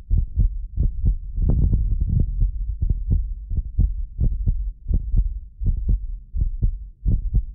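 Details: Normal heartbeat from a self-described medically fit person, recorded with more than six precision contact microphones: steady low thumps at about 88 beats a minute, with occasional doubled clicks from the slight delay between microphones.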